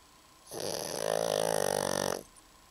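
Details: Overweight female pug, a flat-faced dog, with a single drawn-out, fluttering, rough, vibrating snort lasting nearly two seconds against quiet room noise. Snoring.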